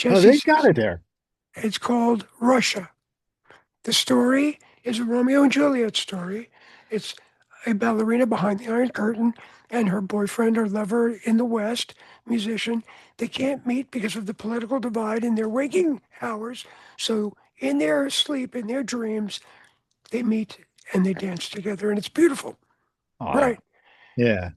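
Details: Adult man whose voice was altered by throat cancer, treated in 1993 with surgery, radiation and two years of experimental chemotherapy: voice change after throat cancer treatment.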